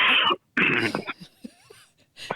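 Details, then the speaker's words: Adult podcast host coughing out a buildup of phlegm that was choking them: two harsh, forceful productive coughs, followed by quieter throat sounds. "every time I go to read this episode I had a buildup of phlegm and I couldn't wait through it I tried to wait through your intro and the phlegm started choking me so I had to [ __ ] cough it out"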